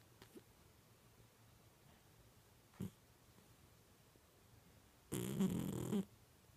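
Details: Himalayan cat asleep in a quiet room: a faint snort, then one loud, rough, fluttering breath lasting about a second; snoring.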